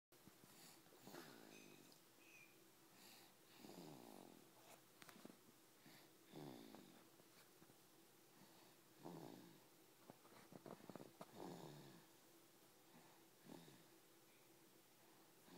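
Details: Baby snoring: soft rhythmic snores with a slightly wheezy, snorting edge, about six breaths over fifteen seconds, in a quiet room.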